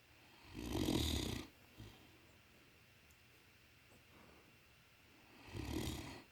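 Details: Great Dane dog sound asleep, giving two loud rumbling snores with a breathy hiss about five seconds apart, with quiet breathing between: snoring.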